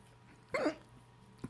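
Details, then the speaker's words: A person hiccups while reassuring a confused, concerned pet dog that they are just hiccups: a single abrupt voiced hiccup, then a faint second catch about a second later, over quiet room noise. "They're called hiccups. They are. They're called hiccups. They're just hiccups, I promise."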